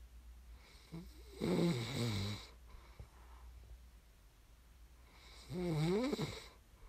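Two loud, rattling snores on the in-breath, about four seconds apart, over low room hum; ordinary snoring.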